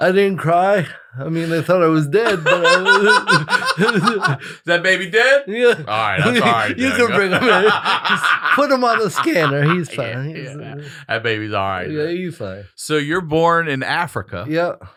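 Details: Dysarthria in an adult male with congenital cerebral palsy, attributed to brain injury or lack of oxygen at birth after an emergency C-section.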